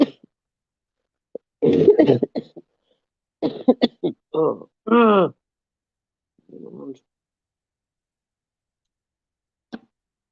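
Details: Adult who is still sick, with harsh coughs and throat clearing, then a brief spoken apology, in a quiet room; coughing during illness.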